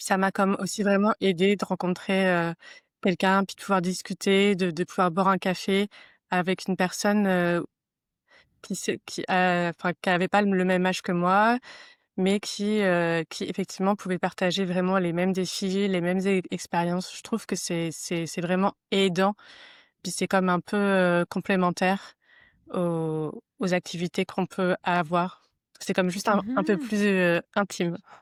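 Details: Adult woman who stutters, who first met other people who stutter at age 32 or 33; stuttering.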